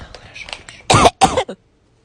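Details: Simulated cough in an exam-room skit: two loud, harsh cough bursts and a short trailing one after faint background sounds.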